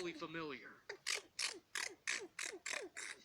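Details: Twelve-year-old girl with an unexplained repetitive sneezing tic that began weeks ago, now averaging about 20 sneezes per minute, cause undetermined by doctors; rapid run of about seven short, sharp sneezes in two seconds.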